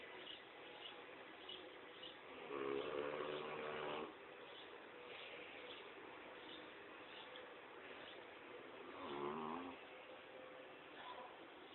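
Two low, rumbling snores about six seconds apart over quiet room noise; ordinary snoring in a sleeping large dog.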